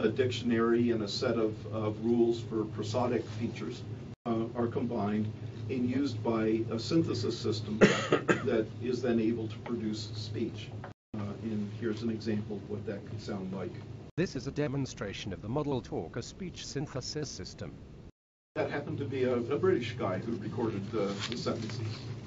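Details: Adult male narrator, with a synthesized speech example; ordinary speech.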